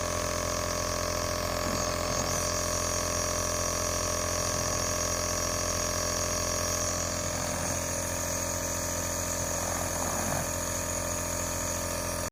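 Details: Nebulizer running during nebulization, tagged with cough, cold and sleeping: a steady mechanical hum with faint bubbling hiss.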